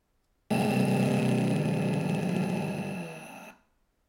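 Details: Severe dysphonia with aphonia: very clear irregularity, random vibration, no periodic activity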